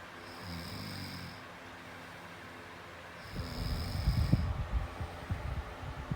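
Low, rough rattling sounds on breathing in sleep, with a faint steady tone in the background; snoring.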